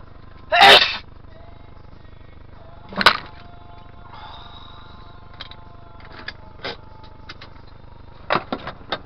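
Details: An adult driver sneezes inside a moving car, a single sharp, hissing burst, followed by a dull thump as the car bumps the car in front.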